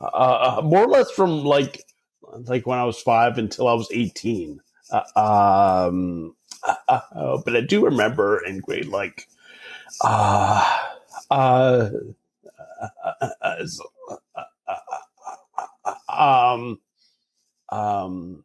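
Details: Adult man with stuttering since about age 5 or 6, treated with speech therapy from age 5 to 18, speaking in real conversation; stuttering.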